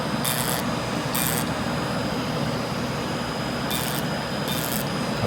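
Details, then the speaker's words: Fractional CO2 laser passing over facial skin as a controlled burn for acne scars, after an earlier Halo treatment: short bursts of hissing, crackling noise over a steady machine hum. "we're doing the co2 you guys this is a control burn"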